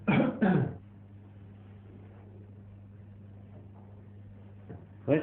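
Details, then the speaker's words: Adult coughs on request during lung auscultation, starting at the lung bases: two short, strong coughs, then quiet room hum and a third cough at the end; voluntary cough. "Je vais vous ausculter maintenant. Vous allez tousser, s'il vous plaît."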